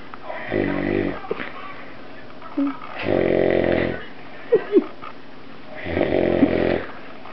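Loud, buzzing snores repeat about every two and a half seconds, with soft smacking sounds between them: heavy snoring.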